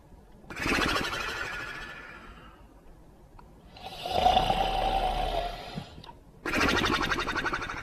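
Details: Simulated cartoon snoring by a sleeping animated dog character: long rasping inhaled snores alternating with a whistling exhale, exaggerated for effect; snoring.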